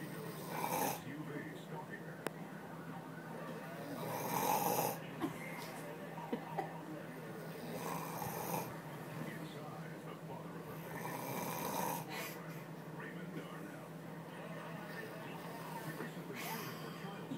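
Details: Scotty snoring loudly: repeated rough, rattling breath noises at regular intervals over a steady room hum; snoring.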